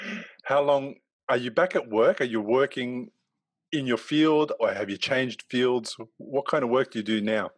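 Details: Adult male speaker; normal speech.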